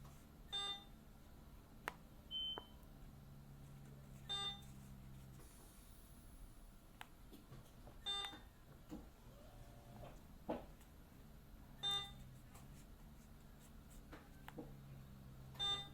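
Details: Patient's own hospital room, IV in place: a bedside device beeping in short bursts about every four seconds, roughly sixteen a minute, faint room hum; bedside equipment beeping.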